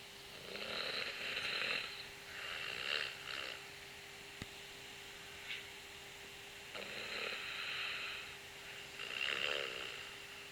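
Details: Snoring during the night: rasping, airy breath sounds recurring every few seconds over a steady background hum, with both inhalation and exhalation loud.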